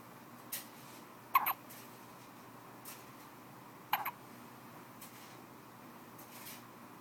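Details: Baby with hiccups, two sharp brief catches a few seconds apart with fainter ones between, in a quiet room.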